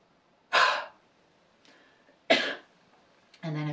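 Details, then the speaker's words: A respiratory physiotherapist demonstrates a short, sharp huff: big breath in, mouth and glottis opened, air forced out as if misting a mirror, then a brief breath in and a single cough, from the active cycle of breathing technique. "so if i demonstrate a short sharp huff so big breath in so i've really opened my mouth up opened up the glottis and i'm forcing the air out imagine you're misting up your glasses or misting up a mirror i'll just repeat that for you"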